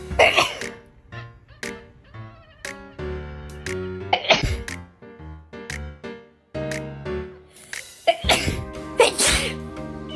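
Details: Cat the owner thinks has a cold, sneezing: several sharp sneeze bursts over background music.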